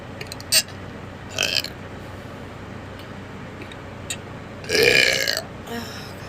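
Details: Person with hiccups also burping: a few burps ending in one long rumbling belch, over background hiss; burping.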